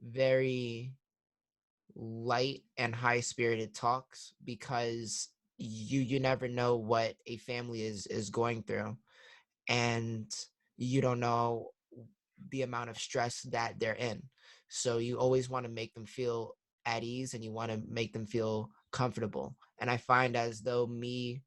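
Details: 21-year-old man who came to stuttering therapy three years earlier with frequent stuttering and significant blocks, now much improved but still with part-word and word repetitions; stuttering.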